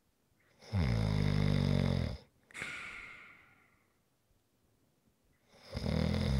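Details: Long, rattling snore on the in-breath, then a softer hissing exhale and a pause before the next snore; ordinary snoring recorded as ASMR relaxation sounds.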